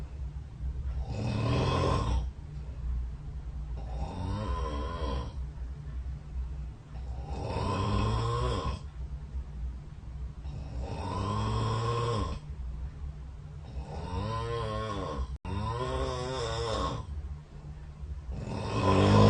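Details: Snoring recorded overnight by a phone snore-tracking app beside the bed during sleep: loud rattling snores on each breath in, about five in twenty seconds, roughly 15 breaths a minute.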